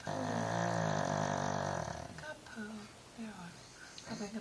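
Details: Female pug snoring while asleep and dreaming, not waking: one long, loud, buzzing snore, then softer snuffling breaths and brief talk.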